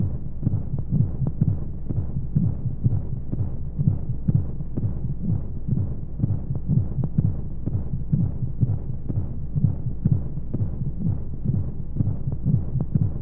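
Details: Womb-sound sleep aid for babies with white noise: steady muffled low thumping heartbeat, about 125 beats a minute, under a soft rushing hum of monotonous flowing sounds, as heard inside the womb.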